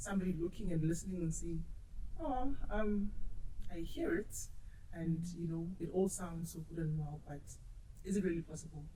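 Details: Adult woman; normal speech.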